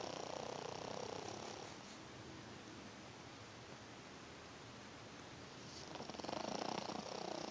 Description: Honey took a nap...snoring as usual. I'm always amazed at how much sound can come out of such a small, furry package.